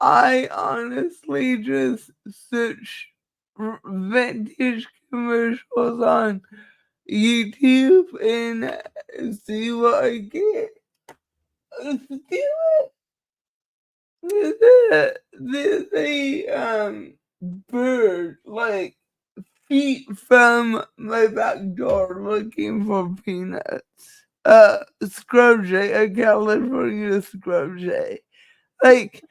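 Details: Dysarthria in a woman who states it is caused by her cerebral palsy and that nothing can be done about it.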